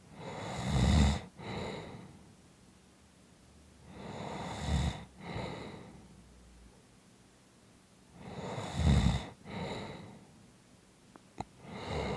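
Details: Rhythmic snoring: low, rattling inhaled snores, each followed by a softer exhaled breath, roughly every four seconds.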